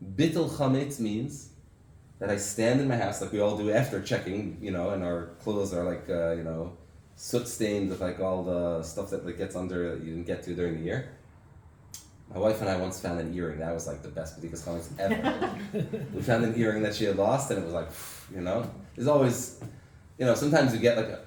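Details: Adult man speaking; normal speech.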